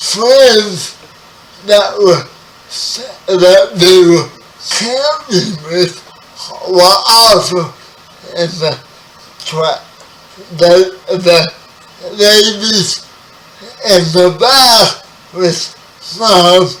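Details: 30-year-old man with spastic quadriplegic cerebral palsy, born 11 weeks premature; speech affected by the condition; dysarthria.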